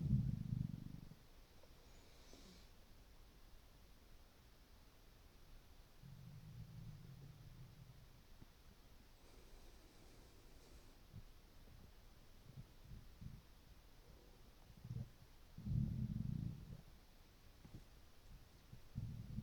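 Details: Quiet, low gurgles and rumbles in short bursts over near silence from a hungry person's stomach with water in it; ordinary hunger-related bowel sounds.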